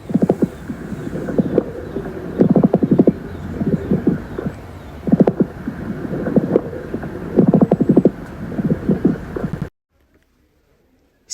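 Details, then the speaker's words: Coarse crackles shown as a teaching example of breath sounds: repeated low-pitched clicking and bubbling with each breath from secretions in larger airways; causes listed include COPD, asthma, heart failure, pneumonia and bronchiectasis. "lo que produce pues precisamente el sonido de burbujeante. Y entre las principales causas se encuentran el EPOC, el asma, la insuficiencia cardíaca, neumonía y bronquiectasias."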